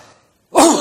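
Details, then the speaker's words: Simulated upper airway cough demonstrated by a doctor: a deep breath then one single loud, explosive cough, typical of an irritant in the pharynx or larynx, as in laryngitis, pharyngitis or tracheitis. "this is very classical of a cough that originates because of laryngitis pharyngitis or even tracheitis"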